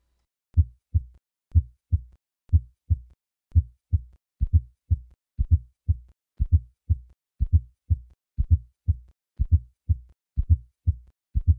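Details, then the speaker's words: Simulated regular heartbeat near 60 a minute, recorded at the fourth left intercostal space, going from normal heart sounds to an added soft, low fourth heart sound before the first sound and then the systolic murmur; hypertrophic cardiomyopathy murmur with fourth heart sound. "listen once more to the murmur of hypertrophic cardiomyopathy I will start with normal heart sounds and then add a fourth heart sound and then the murmur"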